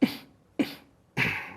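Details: Three abrupt throat-clearing bursts in quick succession, a simple vocal tic in an adult man, a police officer, with Tourette syndrome.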